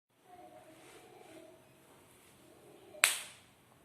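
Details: Joint crepitus in an adult over 39 whose joints all creak, knees most painful: a single sharp, loud knee pop. Worsening over a year despite treatment; no diagnosis yet; rheumatoid arthritis blood tests and HLA-B27 negative.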